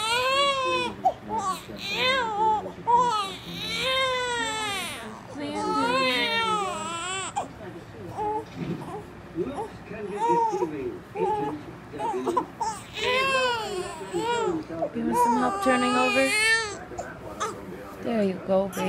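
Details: Baby during tummy time fusses and cries in repeated rising and falling wails with whimpers between them, recorded in a small room; infant cry.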